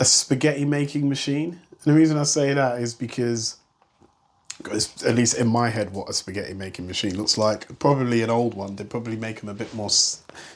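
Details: Adult male speaker; typical speech.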